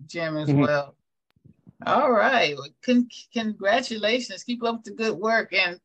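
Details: Adult speaker, conversational talk; normal speech.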